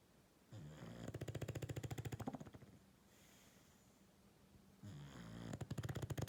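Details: English bulldog snoring: two loud, rattling inward snores with a rapid fluttering buzz, about 14 breaths a minute, with quiet breathing out between.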